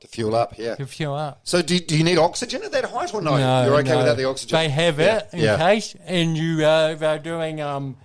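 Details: Adult male speakers in conversation; ordinary conversational speech.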